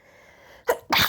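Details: Person lying in bed with a cold: two sneezes in quick succession, each a sharp explosive burst of air with a brief intake before.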